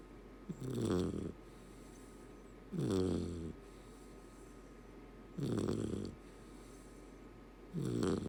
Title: Shiner Snoring (Golden Retriever Puppy)